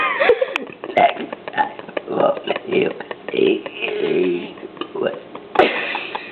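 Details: Girl burping the alphabet: continuous burping shaped into spoken letters, a string of voiced belches, with bursts of laughter and talk in the background.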